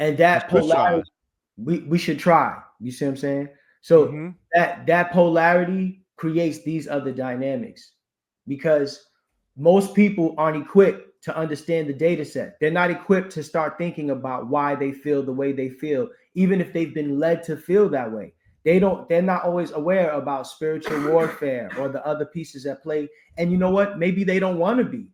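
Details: Adult man; typical speech.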